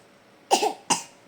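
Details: Young child who cannot sleep because of a cough: two short, abrupt coughs in a quiet room, the first slightly longer with a rough tail.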